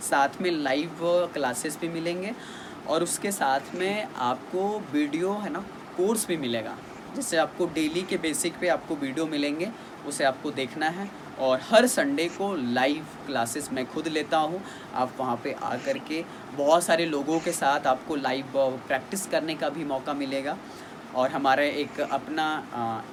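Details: Adult man speaking Hindi; normal speech.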